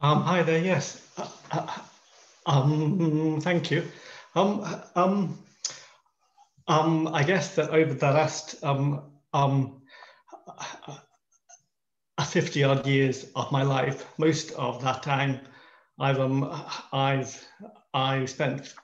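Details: Male artist in his 50s who stammers, introducing himself on a panel of people who stammer; stammering.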